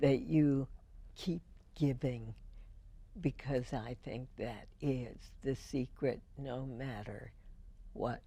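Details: Real speech from a woman with spasmodic dysphonia, treated every four months with botulinum toxin injections into the vocal cords; finding: spasmodic dysphonia.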